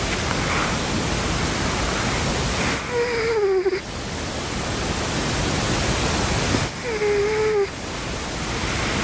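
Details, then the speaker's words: A tomcat snoring, in a listener-submitted recording; the sound seems otherworldly. "well it does sound otherworldly but it is in fact um I think the Tomcat that belongs to Dave Ingram's snoring that is Dave's cat snoring"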